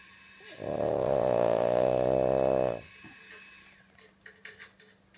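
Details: French bulldog (flat-faced dog): one loud, long, rattling snore-like breath with a fluttering buzz, then quiet; snoring.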